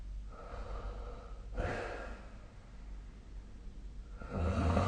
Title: 🐽 本日のイビキ / Snoring Sleep Sound 2025/04/14